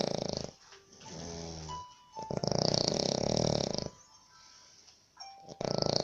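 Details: Sri Lankan snoring in a labour camp room in Baniyas, Abu Dhabi, disturbing roommates: loud, rattling snores in repeated breathing cycles with small-room background noise; snoring.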